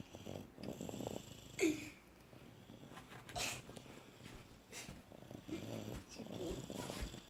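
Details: Dog snoring during sleep: quiet, irregular rasping breaths with soft airy bursts on the breath cycle.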